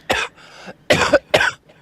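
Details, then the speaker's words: Three sharp, harsh, dry spluttering coughs in a quiet room, following a triple sneeze, from a person who says the coughing is because they smoke too much; cough. "No, my coughing Right, is so- because I smoke too much."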